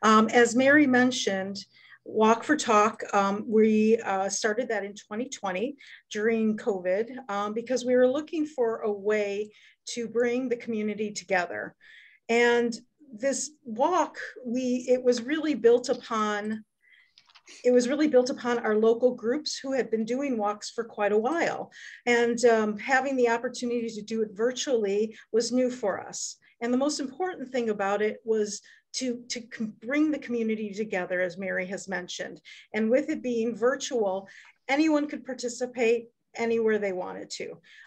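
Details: Adult woman speaking; normal voice.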